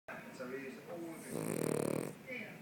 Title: Snoring king Charles cavalier